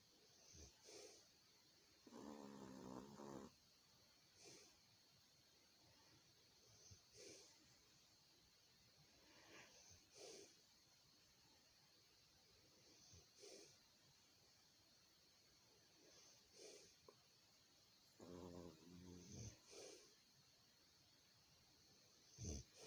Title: Trixie snoring 21620